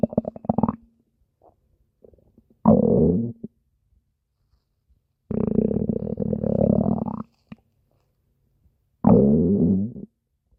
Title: Spinel’s stomach growling (request) (READ DESCRIPTION FOR REQUESTS)